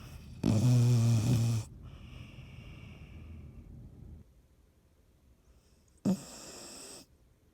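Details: Snoring: a loud, low, rumbling snore, then a long quiet breath out and a second shorter snore.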